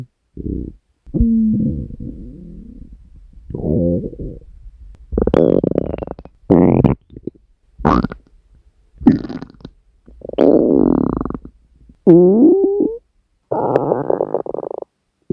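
Loud gurgling, groaning growls, some with rising and falling pitch, in bursts with short pauses. Hunger stomach growling, a normal gut sound.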